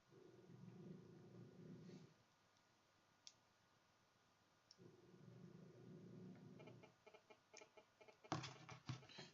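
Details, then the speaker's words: Dog snoring in a small room, picked up during a headphone-mic recording: two long, low rumbling breaths of about two seconds each, separated by quiet pauses, then faint clicking noises. "Apology if you can hear my dog snoring. Hopefully you can't. Hopefully the sound cancelling from these headphones is good enough."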